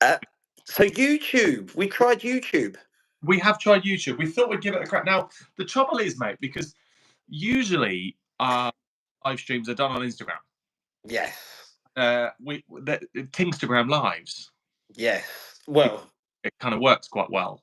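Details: Adult male speaker; normal speech.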